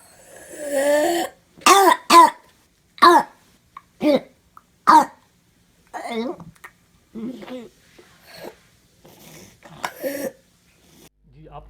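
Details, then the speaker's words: Croup cough: harsh, barking coughs like a dog's bark, about ten short bursts with a hoarse crowing edge, described as severe and violent. "Croup कफ एक बार्किंग कफ है जिसे हम कहते हैं कुत्ता खांसी। कुत्ता खांसी की जैसे कुत्ता भौंकता है इस तरह की उसमें से आवाज़ आती है,"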